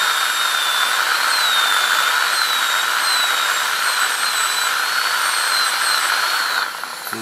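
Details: ADC practical exam demo of an FGC preparation on tooth 36: a continuous high-pitched whine with wavering pitch, then slowing down, from a high-speed dental handpiece cutting the tooth.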